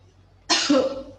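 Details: A woman patient takes a deep breath after deep-breathing training, then gives a single strong, deliberate cough that brings up sputum: a voluntary effective cough.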